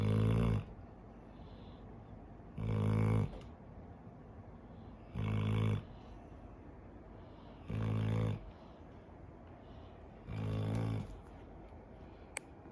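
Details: 11-year-old female dog sleeping outdoors after swimming and walking: loud, low, buzzing snores about every two and a half seconds, regular and deep, with faint waves and birdsong between.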